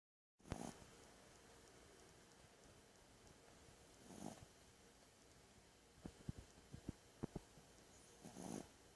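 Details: Sleeping dog snoring: soft snorting snores about every four seconds over steady room hiss, with light clicking sounds between.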